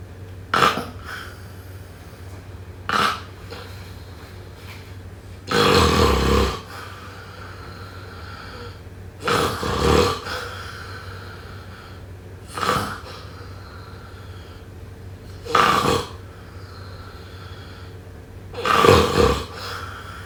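Rough, rattling snores come with each breath, about 20 a minute, over steady low room hum.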